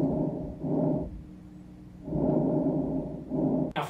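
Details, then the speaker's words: Teaching recording of normal vesicular breath sounds: soft, low rustling breaths with longer inspiration, shorter expiration and reduced intensity, with a brief pause between cycles. "for vesicular it has longer inspiration period and shorter expiration VE for shorter expiration and Vesti for longer inspiration it also has reduced breast sounds vesicular reduced"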